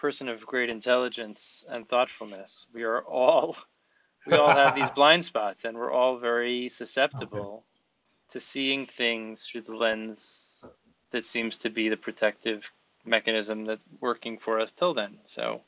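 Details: Adult male speaker; no disorder.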